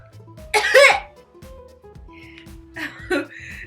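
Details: A girl sniffs black pepper trying to make herself sneeze, with music in the background: one loud, harsh cough-like burst, then two smaller throat bursts, and she then says it really burns. Cough.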